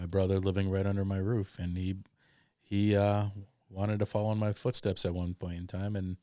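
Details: Adult male speaker; typical voice.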